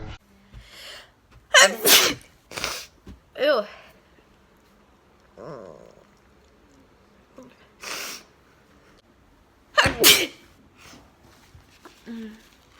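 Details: A girl with a new nose piercing that feels funny has a violent sneezing fit: several sharp, forceful sneezes in quick succession, each with a brief in-breath, separated by quieter pauses.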